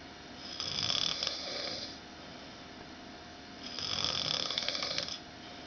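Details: Loud snoring that worsens later in the night: two long, rough, hissing snores on inward breaths with quiet pauses, about 11 breaths a minute.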